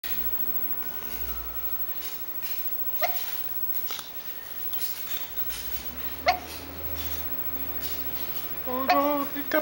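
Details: Dog hiccups: about four abrupt, brief catching sounds a few seconds apart in a quiet indoor room.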